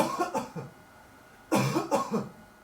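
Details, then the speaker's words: Student's deliberate voluntary cough on command during a laser droplet-imaging mask experiment: two short bursts of coughing in a quiet room. "We can observe the cough in a slow motion. We can see how fast are the drops, how big they are and how many of them have crossed the light sheet."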